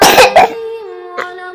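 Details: Child coughing, so troubled by the cough that saying prayers and drinking milk are hard and nearly vomiting: two forceful harsh coughs followed by a drawn-out voiced sound.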